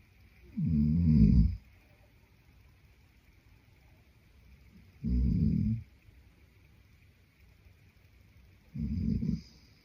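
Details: Boyfriend snoring while asleep: three deep, rumbling snores, each about a second long, roughly every four seconds, with quiet breathing between them.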